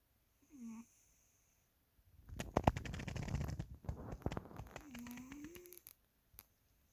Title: My cat's snoring